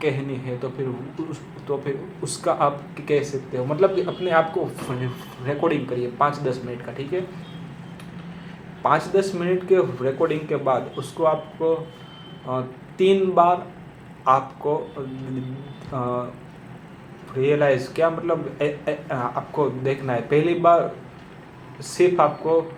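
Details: Adult male who says he himself stammers, speaking Hindi, with audible word repetitions; stuttering.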